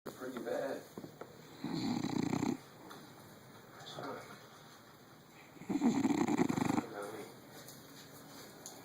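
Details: Snoring from a sleeping pet: two loud, rough, rattling snores about four seconds apart, with quieter breathing between, in a quiet room.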